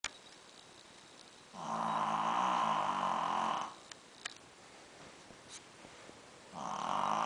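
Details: Shih Tzu dog sleeping and snoring: long, loud buzzing snore on the in-breath, quiet between, then another; louder than a grown man.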